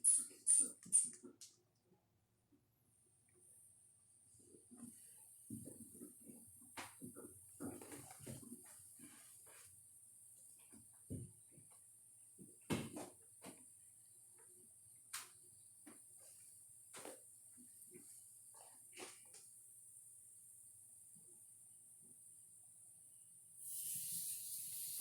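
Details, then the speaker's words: Manual blood pressure with Korotkoff sounds: bulb squeezes inflate the cuff to 170, then a steady hiss of deflation with soft thumps; the first sound marks systolic and the last marks diastolic; reading about 132/70. "The very first sound that you hear, it sounds like a heartbeat, is going to be your systolic blood pressure. The last sound you hear is your diastolic blood pressure."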